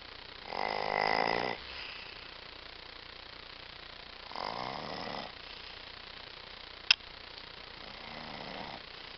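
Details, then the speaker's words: Sleeping dog with habitually loud, pig-like snoring that keeps the household awake at night: rough, rattling snores about every four seconds with a sharp click between, over room noise. "Hoje eu resolvi gravar para vocês verem como é que o bicho ronca tem vezes que ninguém consegue dormir aqui em casa"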